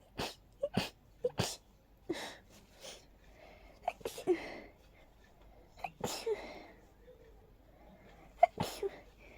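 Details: Allergy sneezing fit, described as unusually intense, like a swirling irritation in the nose, easing about 5 minutes later: a rapid run of short, sharp sneezes with brief gasps between them.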